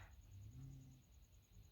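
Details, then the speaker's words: A single quiet, low rumbling snore from a sleeping dog, with a faint steady high electronic whine in the background; dog snoring. "my dog snoring if you can hear that"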